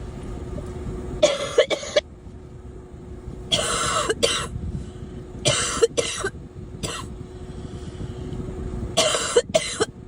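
Four bursts of paired coughs, about nine coughs, over steady traffic noise outdoors.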